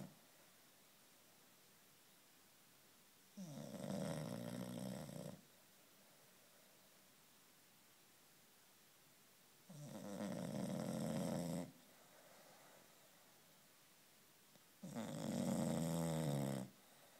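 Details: Bulldog snoring after a long walk: loud, rattling two-second snores about every six seconds, separated by quiet pauses; snoring.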